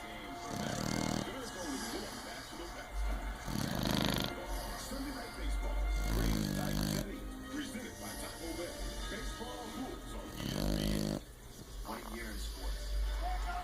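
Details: Pit bull dog snoring loudly while sleeping: repeated loud rattling snores about every three to four seconds, over television talk and music.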